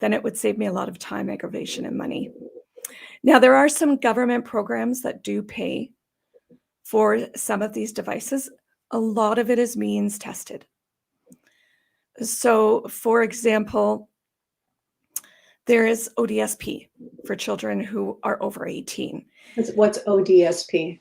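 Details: Adult woman with idiopathic subglottic stenosis for about 12–14 years, treated with repeated tracheal dilatations and surgeries; she attributes gravelly, gasping sound to the tracheal surgeries. Dysphonia due to subglottic stenosis.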